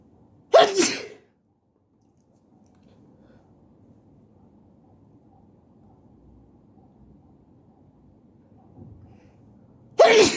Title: Sneezing while sitting on the floor